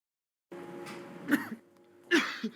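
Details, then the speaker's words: Two short, harsh cough bursts over a faint steady background tone, part of a coughing fit in bronchial asthma. ">> Couldn't stop coughing. It's exhausting."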